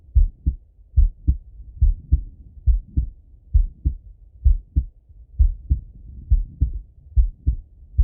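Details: Male heart auscultated with a stethoscope: regular low lub-dub about 70 a minute, no added sounds; normal heart sounds.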